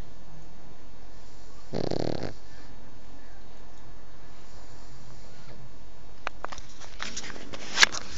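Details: Sleeping dog: a single short, low, rumbling snore, then faint breathing and a few clicks over a steady background hum; snoring.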